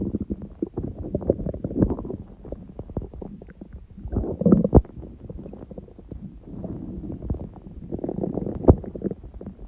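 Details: Recorded at 1:30 a.m. after waking, six hours after overeating udon; owner suspects stomach reacting to gluten: loud, irregular gurgling and rumbling bursts over about ten seconds; borborygmi.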